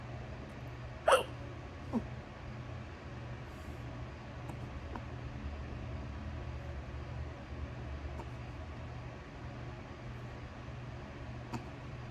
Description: Got the hiccups when I got home from work 😄